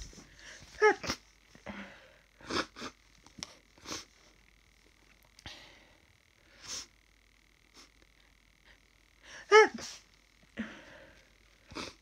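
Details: A small dog that woke up sniffly, possibly with the start of a cold, makes sharp, sudden nasal sneezes mixed with quick sniffs and snorts against a faint room hum.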